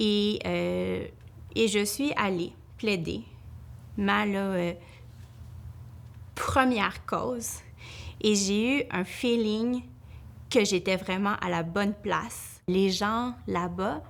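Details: Adult woman, a family law lawyer, who stutters, with repetitions and hesitations; she reports her stuttering increases greatly when nervous; stuttering.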